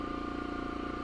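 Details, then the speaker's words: Oxygen concentrator running to fuel a jewelry soldering torch with a one-pound propane canister, left to run before the torch is opened: steady loud mechanical hum with fast regular pulsing. "Okay, it's going to get a little loud in here. Sorry. I've got to do it. So, you want to let this run a bit."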